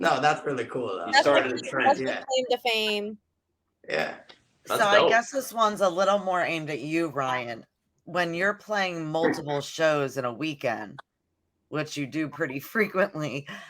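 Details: Adult speaker in a podcast conversation; normal conversational speech.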